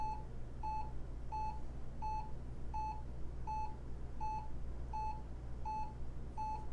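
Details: Hewlett Packard 43200MC military-surplus cardiac monitor hooked up on lead one: regular electronic beeps at about 84 a minute over a low steady hum as it tracks the pulse.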